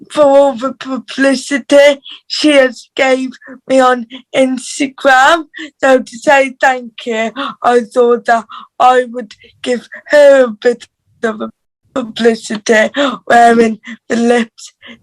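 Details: Dysarthria due to cerebral palsy in a teenage girl from England's Black Country, who reports her cerebral palsy voice is harder to understand.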